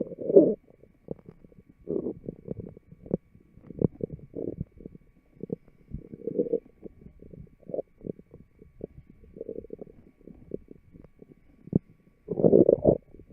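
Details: Microphone taped to the abdominal wall of a fit, healthy person records irregular low gurgles, clicks and rumbling bursts; ordinary loud stomach growling (bowel sounds, borborygmi).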